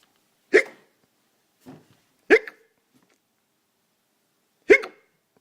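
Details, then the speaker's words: Someone unable to sleep, lying on the floor: three sharp, abrupt hiccups a few seconds apart, each a brief catch followed by a soft trailing sound, with quiet between; hiccups. "hey charlie i heard a rumor that you think hiccups are funny is that true"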